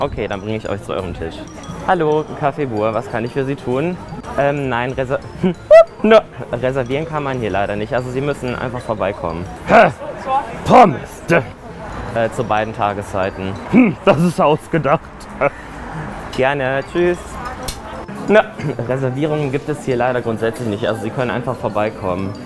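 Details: Young man with Tourette syndrome, real, working as a waiter in a café; involuntary vocal tics interrupt his speech.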